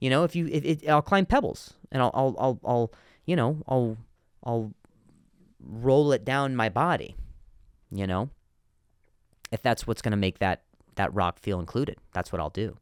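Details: Stuttering in an adult male comedian, with word and phrase repetitions.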